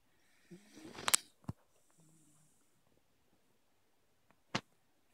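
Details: Beagle sound asleep while hugging its owner, snoring gently: quiet, low snuffling breaths with a soft rattly snort, amid a few sharp handling clicks.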